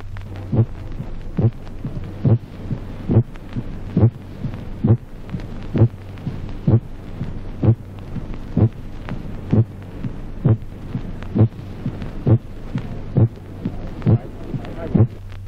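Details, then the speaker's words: Regular heartbeat at about 66 a minute with a soft, weakened first heart sound, a primary diminished S1 in coronary infarction. "Ejemplo 22, debilitamiento primario del primer ruido cardíaco en el infarto coronariano."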